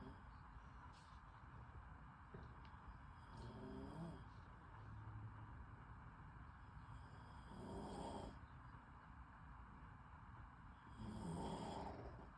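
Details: Rough snoring breaths rising every few seconds over steady background hum, disturbing a girl's sleep; snoring.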